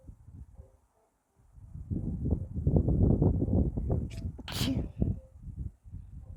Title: mixed sneezes